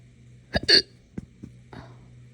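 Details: Adult with hiccups after drinking morning coffee too fast on an empty stomach: a few sharp, abrupt hiccup sounds, one merging into a short belch-like burst, then quieter catches; hiccups with belching.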